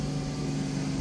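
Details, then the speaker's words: Ear wax removal clinic suction machine, used off label, running with a small suction tube attached: steady low motor hum with a faint hiss. "that's attached to this suction tube now as you can see it's pretty small"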